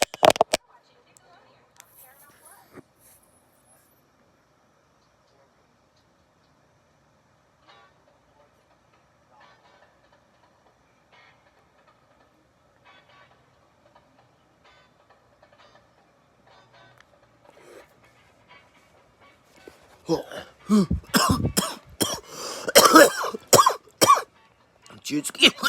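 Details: Adult smoker after a double blinker: quiet stretch then a run of loud, harsh coughs.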